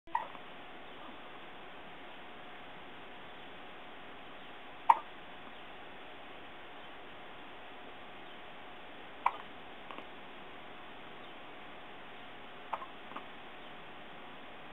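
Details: Newborn baby aged 8 days with hiccups: soft, sharp clicking catches at irregular intervals, about four to five in fifteen seconds, over a steady hiss.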